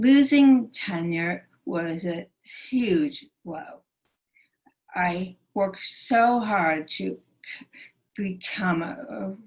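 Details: Aphasia in a female stroke survivor, present since her 2011 stroke, which initially took away all her speech.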